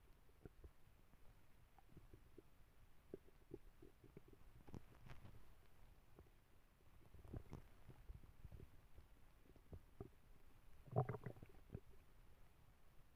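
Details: Dog with a very loud tummy, stomach rumbling while she sleeps: quiet low gurgles and rumbles over a hushed room, one louder gurgle near the end; borborygmi.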